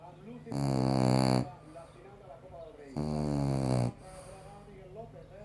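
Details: French Bulldog snoring heavily: two loud, deep, rattling inhalations about two and a half seconds apart.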